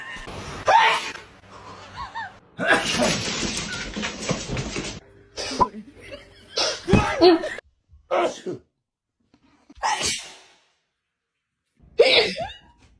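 Several loud, explosive sneezes with short pauses between them, mixed with laughter in a small room: ordinary sneezing.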